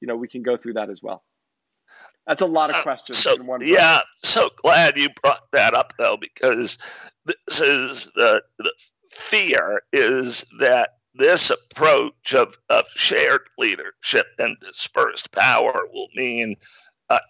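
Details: Adult man diagnosed in 2012 with spasmodic dysphonia, a rare neurological speaking disorder that made communicating difficult and caused partial loss of his voice; real, not acted; spasmodic dysphonia.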